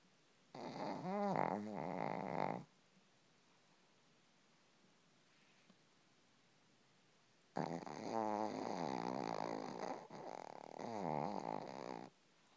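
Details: Shih-tzu snoring while asleep, at times very loud: fluttering, wavering, long uneven snores separated by a quiet pause in a still room; snoring.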